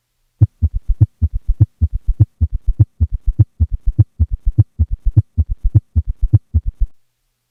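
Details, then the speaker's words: S3 and S4 gallop (quadruple rhythm) in the same patient, now at a faster heart rate (heard near 100 per minute), each beat carrying four low thuds. "here is the same patient with an S3 and S4 at a rate of 80 beats a minute and now at a rate of"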